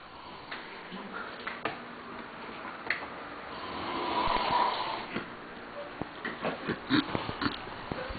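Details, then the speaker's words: Man filmed asleep at night after the light is switched on: irregular snorting, rattling snoring in a quiet room. "a gente vai acender a luz e vamos filmar ele roncando"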